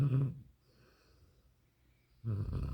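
Deep, loud, rumbling snore, then a quiet pause of nearly two seconds, then the next snore begins: heavy snoring.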